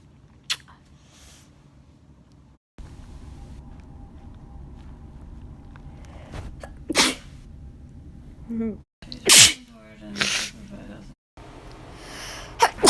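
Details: Girl with a new nose piercing unable to stop sneezing: several sharp, explosive sneezes with short breathy intakes between, over low room noise.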